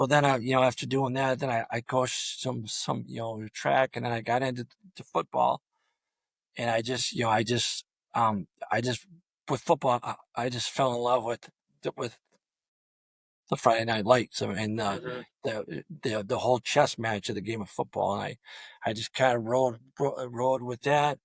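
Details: Adult male high school football coach with long-standing stuttering throughout a coaching career of over 34 years; he reports his own blocks fall on the letter D; stuttering.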